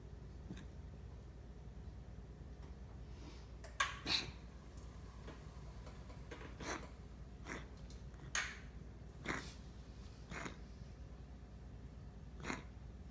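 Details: A pet gives a series of about eight short, dry hacking coughs over a steady room hum.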